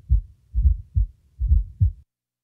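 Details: Low, dull heart sounds at about 65 beats a minute with an extra soft sound just before the first sound: fourth heart sound (S4) on auscultation.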